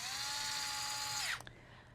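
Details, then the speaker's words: Powered intraosseous drill driving a needle into the medial anterior proximal tibia in a demonstration; high motor whine dropping in pitch and stopping after about 1.3 s as resistance decreases on entering the marrow. "pressing the trigger of the device lightly drill the needle into the bone until you feel a decrease in resistance this often feels like a pop when the needle enters the marrow"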